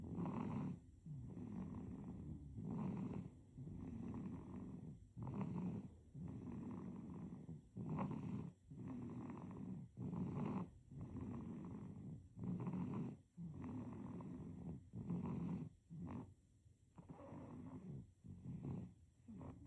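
Soft, rattly snoring on each breath of a sleeping baby, about 24 breaths a minute, with faint background hiss.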